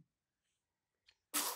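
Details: Near silence, then a single short, sharp sneeze from a baby at the end; infant sneezing.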